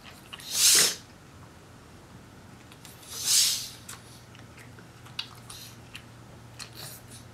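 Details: Pug sneezing: two sharp, forceful hissing sneezes a few seconds apart, faint snuffles between, quiet room with low hum.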